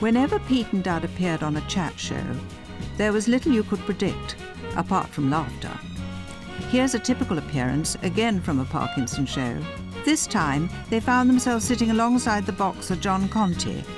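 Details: Adult male narrator; normal voice.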